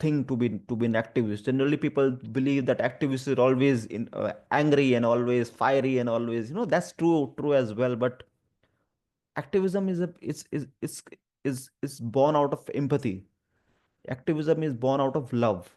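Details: Stuttering in an adult man who also has dyslexia and dyspraxia, heard in spontaneous speech with word repetitions; finding: stuttering.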